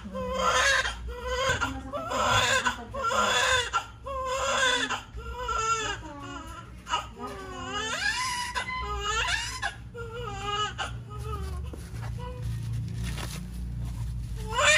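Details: Repeated loud, rhythmic crying bursts with room hum and staff voices, from a newborn baby girl just after a normal vaginal delivery at a lying-in clinic, born at 6:50; a normal, vigorous newborn cry.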